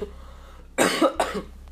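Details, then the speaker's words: Adult with a lingering cough, while playing a video game: two short, loud cough bursts over a steady low background hum. "perdón. Es que sigo con la tos. Perdón si estos videos los van a escuchar mucho que yo estoy tosiendo, pero se me quitará pronto, yo lo sé."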